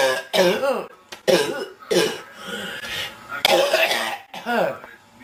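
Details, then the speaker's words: Girl, sick, with chest congestion ("so much stuff in my chest"): repeated voiced, throaty coughs with short pauses between; recurring cough, faint music in background. "[Music] coughing I'm so sick"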